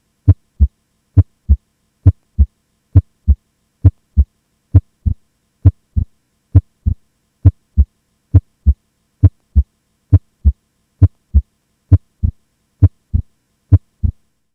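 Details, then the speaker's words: Physiologic splitting of S2 into aortic (A2) and pulmonic (P2) components during inspiration: regular lub-dub heart sounds near 67 per minute, the second sound split in some cycles. "you can see that the individual components of S2 are named A2 for the sound originating from the aortic valve and P2 for the sound originating from the pulmonic valve take a listen"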